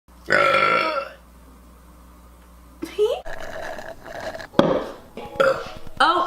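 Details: Girl producing several loud, drawn-out voiced belches in a row with short quiet gaps, from a burping compilation; burping.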